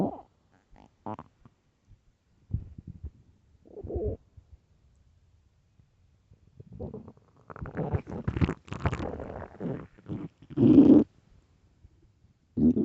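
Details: Extremely loud morning stomach growls: irregular gurgling and rumbling bursts separated by silences; ordinary borborygmi.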